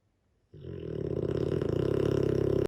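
A single long, loud rumbling snore from a sleeping large dog, with a rough, fluttering quality through the breath.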